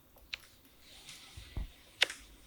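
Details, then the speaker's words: Knee flexing and extending, recorded with a phone held near but not touching the knee: a few sharp, quiet clicks and pops, normal physiological joint sound from pressure change, not harmful. "이렇게 움직였다 펼 때 딱딱 리는데 뚝뚝 그러죠이 소리 는 제 무릎 소리입니다 안 좋은 거 아니에요 이건 정상 괜찮은이 정도는 괜찮아요"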